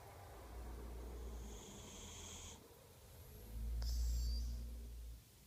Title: Snoring, Part 2